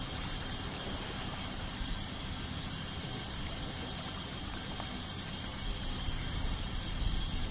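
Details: Steady high hiss and rushing water with a low suction rumble, from an ultrasonic scaler removing tartar during a dental scaling cleaning.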